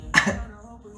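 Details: Single short, sharp adult cough with a quick fade, possibly a throat clear, against faint background sound.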